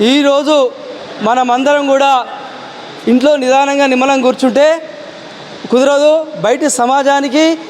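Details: Adult male speaker; Normal speech.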